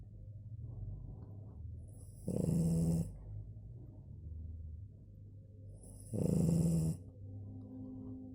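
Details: Sleeping French bulldog: two loud, rattling snores about four seconds apart over quieter snuffly breathing. Dog snoring.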